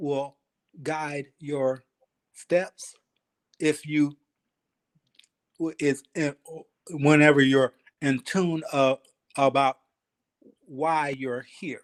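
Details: 52-year-old man, 3 years after an ischemic stroke, still working on his speech and thinking about every word, syllable and cadence; aphasia.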